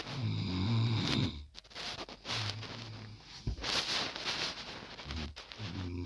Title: more snoring